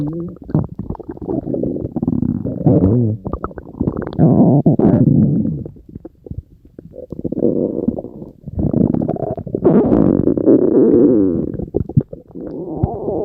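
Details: Long, loud, nearly continuous gurgling and rumbling bowel sounds with bubbling and squeaky stretches; ordinary stomach growling (borborygmi).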